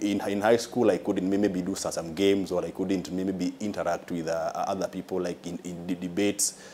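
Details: Adult man with a stammer described by a consultant as mild, involving delays on some words and worsening when nervous; finding: stuttering (mild).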